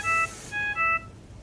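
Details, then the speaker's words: Philips Respironics Trilogy Evo home ventilator: repeating clear electronic alarm tones with light bar flashing after the test lung is disconnected; disconnect alarm. "I'll disconnect our test lung so we can get alarm and alarm on our vent we get an audible alarm and we get the light bar along with the flash here"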